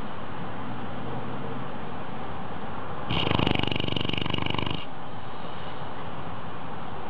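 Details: Animal snoring: one fluttering, rattling breath lasting under two seconds over steady room hiss.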